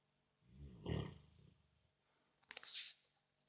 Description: My American bulldog snoring like a human. His snoring is loud. He keeps me awake at night sometimes